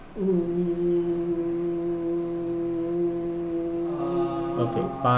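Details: Man with a high-pitched voice since his teens, producing a sustained sound after a deep breath during assessment or therapy; puberphonia.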